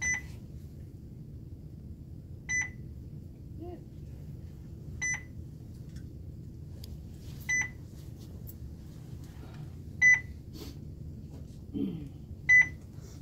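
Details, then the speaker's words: Nursing IV pump demo, saline at 100 mL/h for a simulated ED patient, started with the clamp closed: short high beeps repeating about every two and a half seconds over room noise; infusion pump occlusion alarm. "Start. Make sure my clamp is open or it'll beep at me. Occluded."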